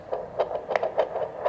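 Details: Handheld fetal Doppler tested after repair, working again after its rusted, poor-quality batteries were replaced: rapid rhythmic whooshing pulses from the speaker, showing it picks up signal.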